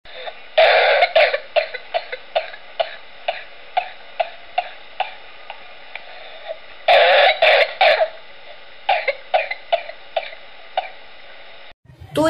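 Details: Non-whooping cough, contrasted with whooping cough in a homeopathy lesson on Corallium rubrum: repeated short dry coughs in two brief bursts with single coughs between, and no whooping intake of breath.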